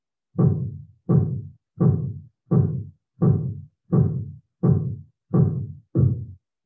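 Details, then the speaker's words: Nine regular, low tapping thumps at about 85 a minute, heard during cuff deflation with a sphygmomanometer: Korotkoff sounds from a normal blood pressure reading of 124/86. "so the only time you'll hear a sound is when the pressure in the cuff is somewhere between systolic and diastolic"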